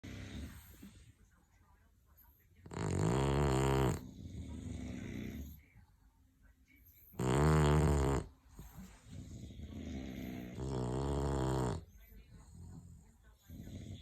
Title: Snoring Bulldogs